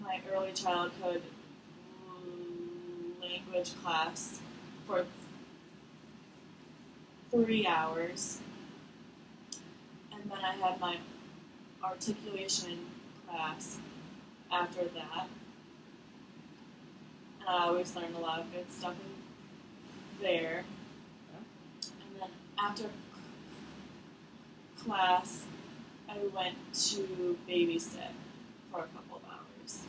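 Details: Acted role-play: a 22-year-old client who stutters, never previously treated, describing 2–3 second blocks, sound prolongations, eye blinking to get words out and facial tension in a first therapy session; stuttering.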